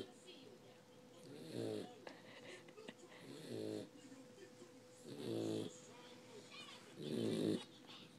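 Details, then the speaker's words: Person asleep and still snoring, not awake: regular rough snores, about 30 breaths a minute, each a low rattling snort on the inward breath, with faint room noise between. "We're snoring. She's still snoring. Not awake."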